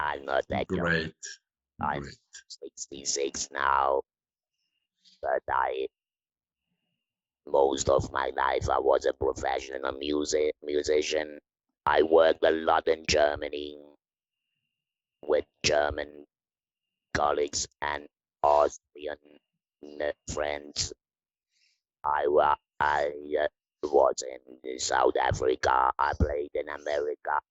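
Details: 66-year-old man, laryngectomy in February 2020, about eight months earlier, speaking with a neck-held electrolarynx whose button controls pitch and intonation; electrolarynx speech after laryngectomy.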